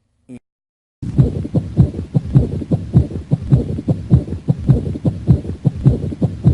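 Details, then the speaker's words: Pericardial friction rub played as an auscultation teaching example among choices in a mitral stenosis case: repeating heart sounds with a rough, scratchy quality through each cycle; described as very difficult. "e that's a paracardial friction rub that's a paracardial friction rub very difficult very difficult paracardial friction rub"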